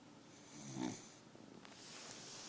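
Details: Sleeping beagle snoring: a single low, rumbling snore on breathing in, followed by softer breathing noise.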